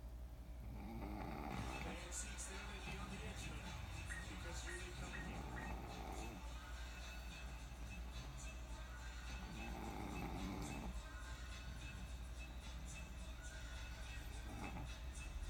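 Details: Snoring recorded in April 2018: soft, rumbling snores come and go under television music and talk; snoring.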